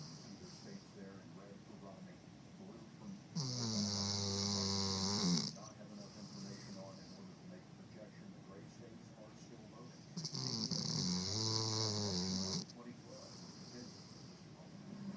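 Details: Snoring dog: two long, loud, rattling snores with a whistling edge, separated by quieter breathing, about eight breaths a minute.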